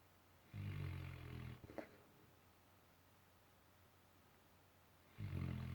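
Deep rumbling snores from a sleeping dog, two snores about five seconds apart with quiet pauses between.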